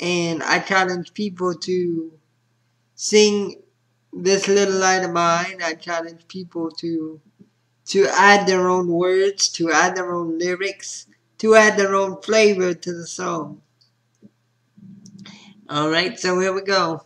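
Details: Spastic dysarthria in a man with spastic quadriplegic cerebral palsy.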